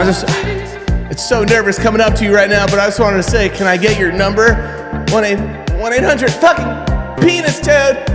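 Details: Acted comedy-sketch portrayal of a man with Tourette's syndrome; obscene vocal tic outbursts, coprolalia.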